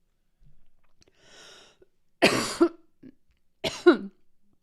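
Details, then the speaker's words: Two forceful, harsh coughs from a woman choking on popcorn kernels, each followed by a brief voiced catch as she clears food from her throat. "oh sorry I'm eating popcorn and I'm choking on the kernels"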